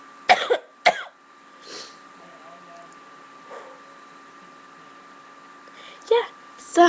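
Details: Child who has been sick for about a week and can't stop coughing: short coughs, a pair of bursts near the start and two more at the end, with quiet room noise and a steady hum between.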